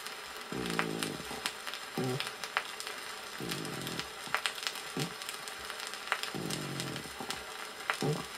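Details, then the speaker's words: Vintage 1961 teaching record on pleurisy: coarse pleural friction rub, rough grating creaks with each breath over the chest, heard on inspiration and expiration. "прослушайте нежный шум трения плевры прослушайте грубый шум трения плевры"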